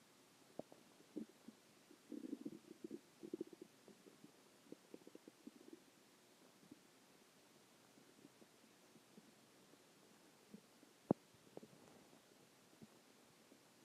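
Soft gurgling and bubbling rumbles with scattered clicks in a quiet room, the normal growling of the gut.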